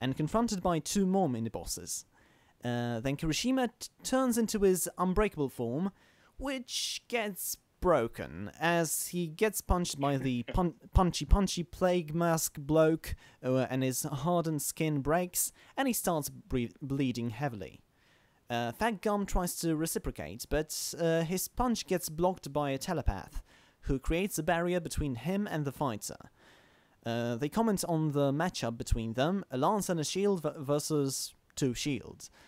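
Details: Male podcast host who stammers, recording standing up in a new setup to see whether he stammers more or less; stammering (stuttering).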